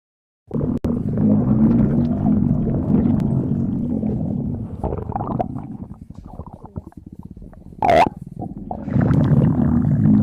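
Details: Stomach growling: borborygmi.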